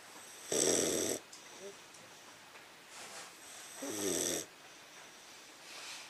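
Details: A 15-week-old English Mastiff puppy asleep, with two rough, rasping snores about three seconds apart and quiet breathing between them; snoring.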